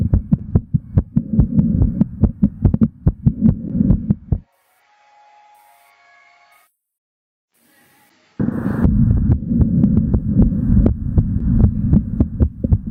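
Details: Live stethoscope recording of an adult male's heart while exercising: rapid, regular, strong lub-dub beats with a brief quiet break midway; normal heart sounds at a fast exercise rate.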